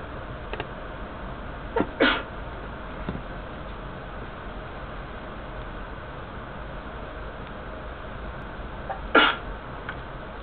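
Two short sharp explosive bursts, about seven seconds apart, over steady background hiss; sneezes.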